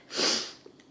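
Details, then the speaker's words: Adult with hay fever after being outdoors gives a single sharp, hissy sneeze that rises quickly then fades, followed by a faint sniff in a small room: sneeze. "I cannot stop sneezing. The hay fever is real, you guys. I am dying. I cannot stop sneezing."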